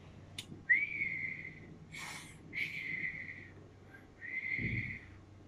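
Imitated wheeze: repeated high whistling tones on long breaths out, a sign of narrowed airways as in asthma or chronic obstructive airway disease.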